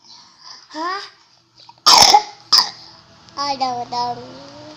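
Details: Two sharp coughs from a child, between brief voiced sounds and babbling.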